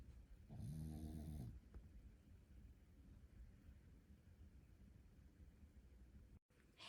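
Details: Small Shih Tzu dog, recovering from eye surgery, sleeping soundly: a loud, rattling snore, then quiet breathing against low room noise.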